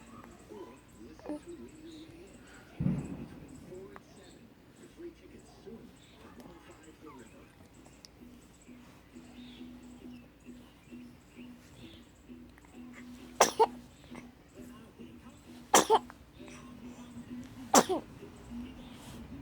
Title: Baby sneezes